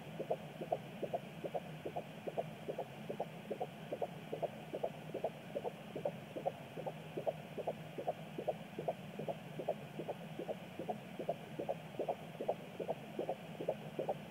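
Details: Fetal heartbeat on Doppler at 16 weeks 4 days of pregnancy: rapid, regular whooshing beats at about 145 per minute. A fetal kick is heard at the end of the recording.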